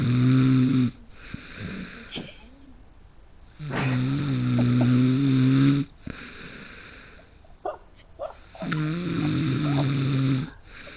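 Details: Person who fell asleep in the middle of a game: loud, rattling snores on inhaling, about 12 per minute, with quieter breaths between; heavy snoring.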